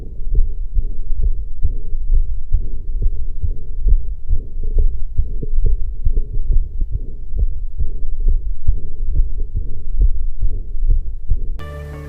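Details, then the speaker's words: Regular heart sounds with a soft mid-systolic flow murmur between beats, attributed to increased and accelerated forward flow rather than outflow tract disease. "severos un soplo mesosistólico. Esto no implica patología del tracto salida, sino más bien a un aumento y aceleración del flujo antereógrado."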